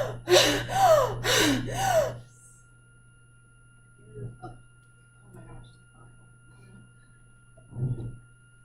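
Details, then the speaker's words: Imitated Cheyne-Stokes breathing: a quick run of loud, deep gasping breaths, then a long pause with almost no breathing; in patients it may be less loud. "it might not be that dramatic that loud but that gasping you look it up on Google look it up cheyne-stokes breathing"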